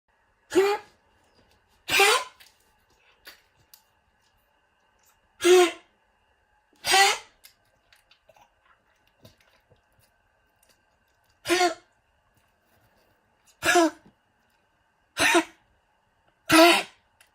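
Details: Dog gives eight harsh, dry coughs in loose pairs over about seventeen seconds in a quiet room.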